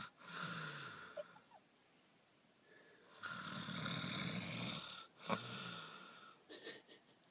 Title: Snoring (proof)